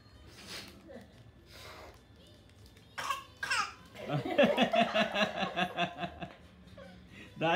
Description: This 11 month old baby is copying elders around and faking cough